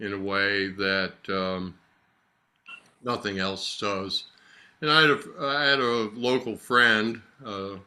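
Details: Adult man with aphasia after a stroke about 3 years earlier, slowly improving, attending six therapy lessons a week; aphasia.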